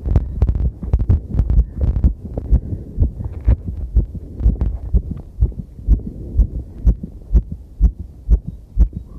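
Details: Own heartbeat recorded while cycling over challenging terrain, noisy with clipping: fast regular thumps near 125 a minute under rumbling movement noise; heartbeat during exercise.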